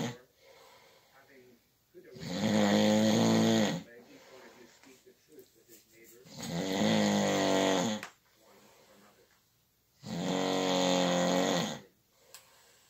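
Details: Night-time snoring disturbing someone's sleep: three long, loud, rattling snores on in-breaths, about 15 a minute, with quiet out-breaths between.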